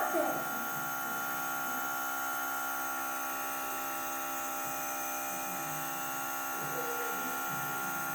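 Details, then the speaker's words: Steady electric humming buzz with faint voices; nebulizer running during a young girl's bedtime inhalation treatment after a strong night-time cough, child breathing with mouth open. "Сильный кашель был у нее ночью. Это мы сегодня ингаляцию делаем."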